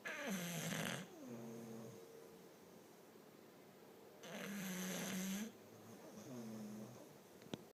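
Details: Two bully-breed dogs snoring on a couch during an afternoon nap: harsh, rattling snores on each in-breath, each followed by a softer whistling out-breath.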